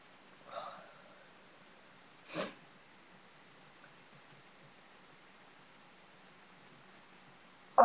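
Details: Two brief sneezes in a quiet room, part of a painful sneezing fit induced by sneezing powder, sneezing so hard the back hurts.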